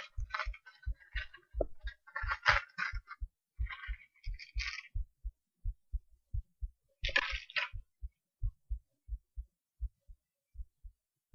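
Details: Self-recorded heartbeat through a cheap acoustic stethoscope: steady low thumps at about 110 per minute, with scratchy rubbing noise over the first seconds; normal, regular heart sounds.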